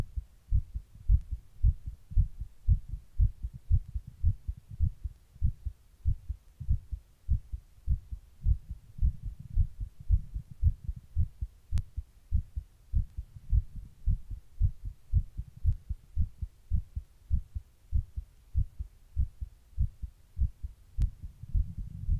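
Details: Person's own heartbeat while rebreathing in a plastic bag: fast, steady low thumping, each beat a soft double thud, no added noise between beats; rapid heartbeat.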